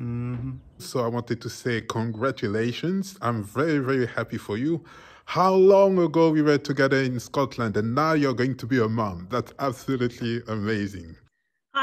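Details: Adult man speaking; Normal speech.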